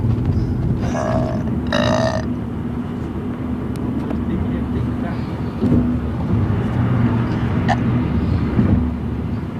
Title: Burping in the car part 2